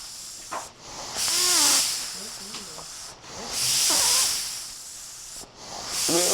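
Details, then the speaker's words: Man with Duchenne muscular dystrophy and a tracheostomy during daily trach care, with air leaking around the unsealed stoma: loud rushing hiss in bursts about 25 times a minute, with weak voiced speech between. "So when the air seeps out, you're not getting all your air. Not able to talk clearly. You'll see in a second. You hear the air leaking out. And it's harder for me to talk a little bit."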